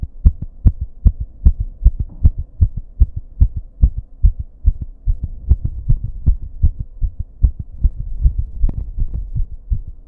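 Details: Heartbeat racing and then turning irregular, with heavy breathing, recorded in a bathroom with background buzz: fast thumping beats roughly 140–150 a minute with uneven spacing; rapid irregular heartbeat.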